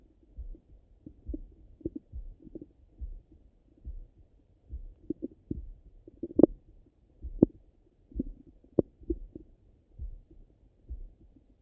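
Irregular soft gurgles and low rumbles with a few sharper pops, heard over the belly; ordinary active bowel sounds after a meal.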